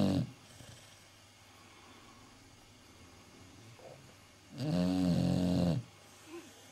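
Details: Sleeping Staffordshire Bull Terrier (Staffy) dog snoring: a long, loud, vibrating snore on an in-breath after a quiet pause.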